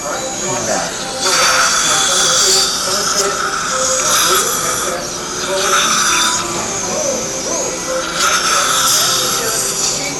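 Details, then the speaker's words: Repeated bursts of high-pitched whirring hiss with wet irrigation spray from a 1.2 mm pilot drill on a surgical motor at 2000 RPM, puncturing soft tissue into the upper ridge bone of an anesthetized patient for 2.5 mm mini dental implants stabilizing an upper denture. "usually a septical surgical motor setting at 2000 RPM we're to make our pilot drill holes there a 1.2 mm mdl drill"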